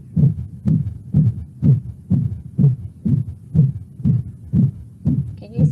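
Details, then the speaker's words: Systolic murmur in a dog, taught in a veterinary lecture; such murmurs often come from mitral or tricuspid regurgitation or aortic/pulmonic stenosis. Rapid, regular heartbeat, about 120 a minute, with a whooshing noise after each first sound. "systolic number systolic moment often is from mitral and transcuspid registration you can have a systonic stenotic aortic or pulmonary valve tissue or if you have acceptance effect can you hear that whooshing sound push push push push this thing"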